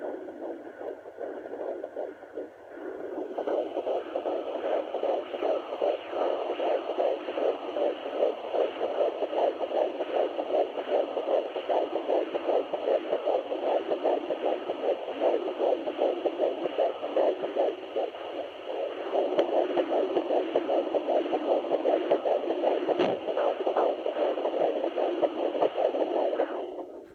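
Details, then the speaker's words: Fetal heartbeat at 13 weeks of pregnancy on a Sonoline B fetal Doppler held still: rapid, regular whooshing pulses at about 150 beats a minute; the heartbeat fades as the fetus moves. "You'll be able to hear it because I'm not moving the Doppler at all. That's her heartbeat."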